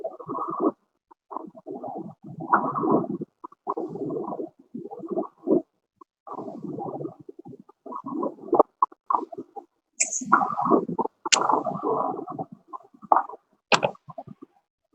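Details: Coarse, grating creaking bursts recurring with breathing, typical of a pleural friction rub from inflamed pleural surfaces.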